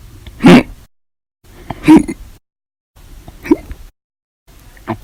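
Four abrupt voiced catches in about five seconds, separated by silence, each a sudden gulping sound typical of hiccups.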